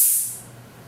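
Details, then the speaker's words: Brief sharp hiss fading within a second: an oxygen E cylinder valve cracked open with a tank key, the outlet turned away, to blow out dust and debris before the pin-indexed regulator is attached. "we want to turn the tank away from us and this is the uh gas outlet and we're going to attach a tank key to the stem and we're going to warn people that there'll be a slight uh sound as we crack the tank"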